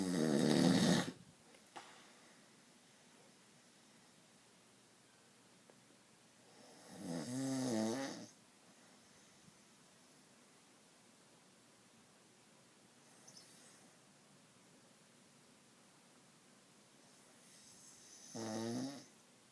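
Loud rattling snores on slow breaths, about every six to eight seconds, with quiet between; snoring.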